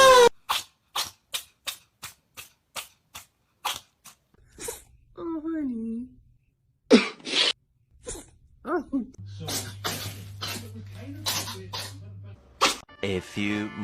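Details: Cat sneezing compilation: a rapid run of about a dozen short, sharp sneezes, then a meow and more sneezes, with music and talk in the background.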